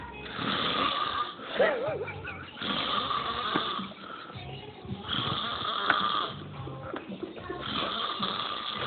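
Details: Repeated rough, rattling, heavy snores about every 2.5 seconds, roughly 24 a minute, from a man asleep clutching his phone, with music and voices in the background; snoring.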